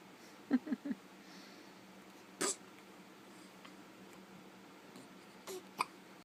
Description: Twins hiccuping together